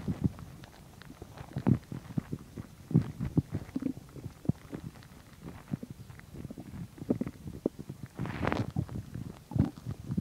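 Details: Irregular gurgles, clicks and rumbles from the belly: ordinary stomach growling while digesting chicken and milk.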